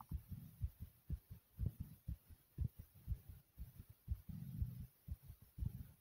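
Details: Person's own racing heartbeat: quick, steady low thuds about 120 a minute with faint hum that later slow to a normal pace, tachycardia.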